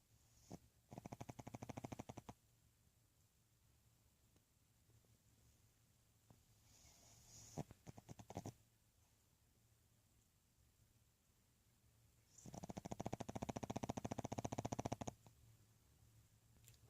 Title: Who's that snoring in my bed?